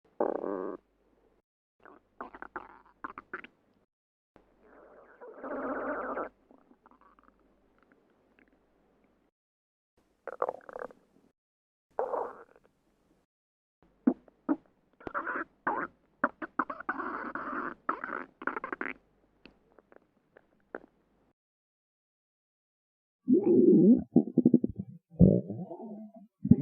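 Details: Irregular gurgling and rumbling bursts from the belly, typical of gas and fluid moving through the gut. Stomach growling (borborygmi).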